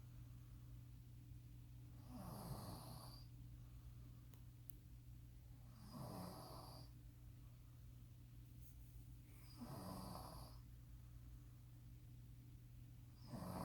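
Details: Dad and son snoring loudly while asleep on the last night of a trip: snoring on inspiration, about four breaths, with a steady low room hum.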